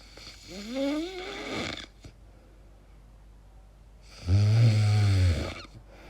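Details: Self-recorded own sleep, snoring or possibly sleep apnea (uncertain): a rising, whistling, groaning inhalation, then after a pause a loud, deep, rattling snore; irregular snoring with strange noises.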